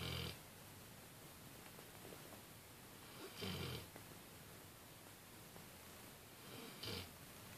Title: snores loudly. -no.1-